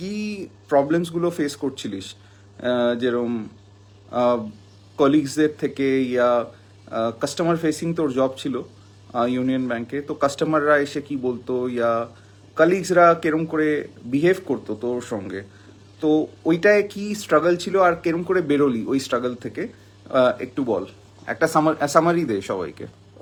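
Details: Adult speaker; ordinary speech.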